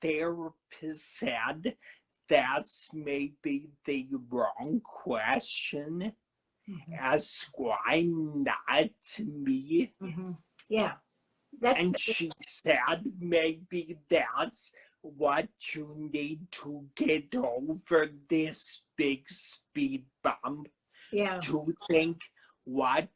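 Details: Adult man who had a cerebellar stroke at 35 in September 2013, could not talk at first, has aphasia; finding: dysarthria with dysphonia from vocal fold paralysis after stroke.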